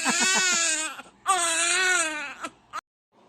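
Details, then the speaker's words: Hungry baby crying for milk, before a first pediatric check-up: two loud rising-and-falling wails, the first with short rhythmic pulses, then a brief whimper; infant hunger cry. "so ganito po talaga yung ano ung gawain niya kahit gabi pag nagugutom iiyak para bigyan ng atensyon"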